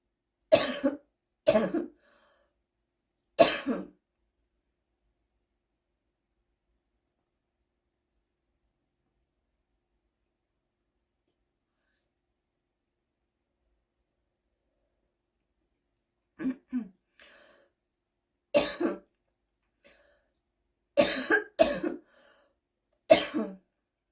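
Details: Seasonal smoker's cough: two clusters of harsh adult coughs, about nine in all, separated by a long quiet pause.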